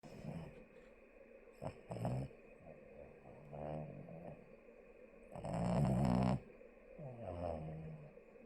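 Deep, irregular rumbling snores and snorts, one loud snore standing out, over low room noise.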